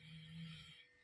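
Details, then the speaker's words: Snoring at night from four sleeping family members: a single low, rumbling snore under a second, fading into quiet room noise. "আজকের মতন সবাইকে tata নাক ডাকছে চারজন শুনতে পাচ্ছ"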